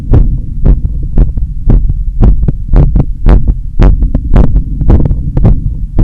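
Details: Strong, regular heartbeat about 113 a minute recorded at the chest apex after a long run in summer heat, with strong visible carotid pulse; normal fast rate after exercise.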